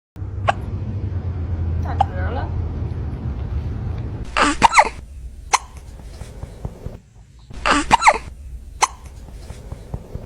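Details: Kitten hiccups: repeated brief, sharp gulping sounds at irregular intervals over background noise.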